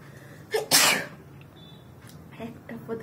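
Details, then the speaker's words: Single loud sneeze with a sharp in-breath before it, then faint talk; adult woman's third sneeze in a sneezing challenge, eyes watering. "হয়ে গেল একটা, তো তিনটে হলো। আমার কাজল চলে এসেছিল চোখের জলে, তো তার জন্য চোখটা পুছে নিলাম ভালো করে।"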